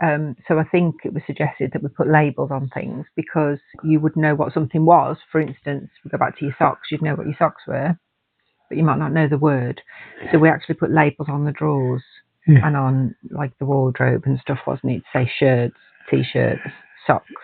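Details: Adult woman speaking; typical speech.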